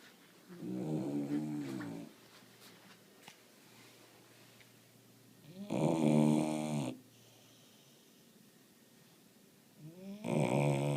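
Loud, rattling, tonal snores with each in-breath, about 13 a minute, separated by quiet pauses; snoring in a sleeping puppy.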